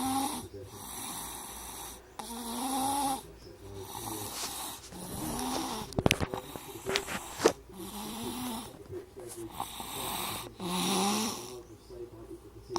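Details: Baby snoring in sleep: repeated soft, raspy breaths with higher whistling tones, about ten breaths over thirteen seconds, with brief noisy bumps.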